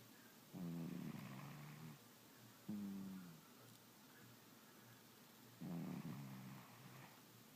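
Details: Three low, buzzing, tone-like snores with steady hiss behind from a sleeping pet cat, said to snore like a man; ordinary snoring.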